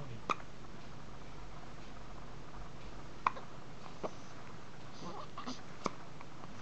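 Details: Young boy with hiccups: short, sharp hiccup sounds, about four over several seconds, in a quiet room.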